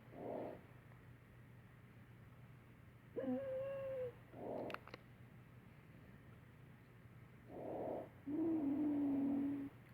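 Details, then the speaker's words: Simulated breath sounds on a mannequin with high, musical whistling tones on breathing out: wheezing, as in asthma. "as with asthma. It has sort of a musical tone."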